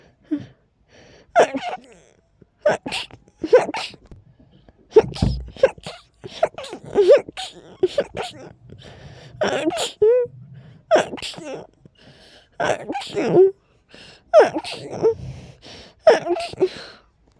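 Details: A run of about a dozen breathy, stifled sneezes, some with gasping build-ups, from a person whose allergies are acting up and whose nose felt incredibly tickly: allergy-related sneezing.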